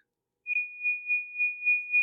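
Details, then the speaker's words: Steady high-pitched pure tone with gentle pulsing, imitating a ringing tone heard in just one ear, described as not tinnitus; imitated ear tone. "Not tinnitus. I'm sure most people that are listening to this, maybe not, but everybody that I know has experienced this. And that is a high-pitched tone that kind of sounds like this."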